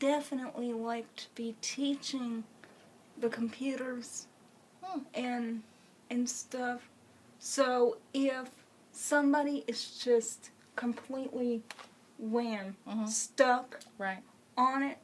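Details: Adult woman with congenital cerebral palsy who uses a wheelchair, speaking; speech in cerebral palsy.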